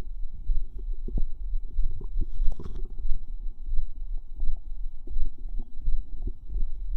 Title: Fizz Bubble Squelch Stomach Sounds part 2